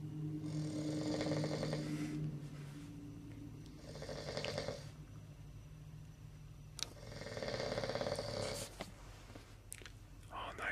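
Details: Snoring during sleep: rough, rattling breathing noises recurring about every three seconds, with quiet room noise between them.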